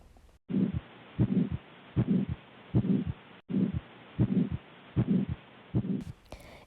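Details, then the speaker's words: Aortic stenosis demonstration: a harsh systolic ejection murmur from difficult opening of the aortic valve, with a regular heartbeat near 77 per minute. "Vamos ouvir o sopro por estenose aórtica, que é caracterizado por um sopro de ejeção, onde há dificuldade de abertura da válvula aórtica."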